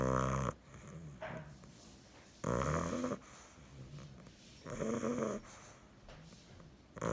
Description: 9 week bulldog puppy snoring